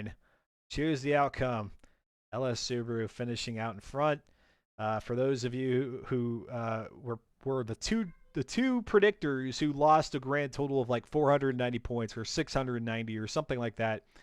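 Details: Adult male; Normal speech.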